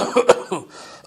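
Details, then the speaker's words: Demonstrated asthma-type cough from an irritant in the medium-sized airways: a relatively deep breath, then a quick run of about three strong, harsh coughs. "if the irritant focus is higher up in the medium-sized Airways for example patients of a stoma the COFF is a little different the patient takes a relatively deep breath and gives two or three bouts of strong coughs like this"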